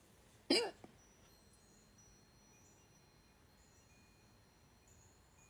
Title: Woke up with hiccups